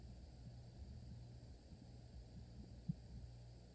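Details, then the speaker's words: Normal lub-dub heart sounds from a training simulator manikin with blood pressure 151/92, heard during a virtual simulation exam: soft, low heart thumps under a steady hum. "okay good love dub no aib that's good"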